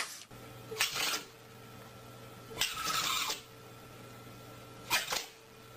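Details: Repeated dog sneezing: three short, sharp, airy bursts about two seconds apart over a low room hum.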